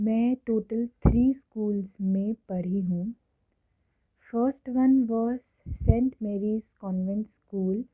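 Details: Adult woman who has stammered since early childhood, speaking Hindi/English; stuttering.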